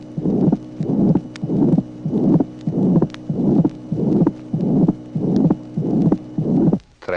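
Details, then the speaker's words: Tracing 19 from a 1966 heart auscultation teaching record: ventricular septal defect with a harsh pansystolic murmur and a widely split second heart sound, heart rate about 95 a minute. "Tracé numéro 19. Communication interventriculaire. Souffle pansystolique, dédoublement espacé du deuxième bruit."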